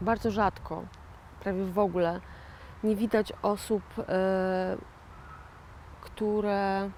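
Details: 41-year-old woman with aphasia following a stroke in 2009; a real stroke survivor who calls herself an aphasian; aphasia after stroke.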